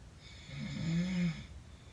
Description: At the Plumbing Hacks Convention and my roommate’s Snoring is keeping me awake.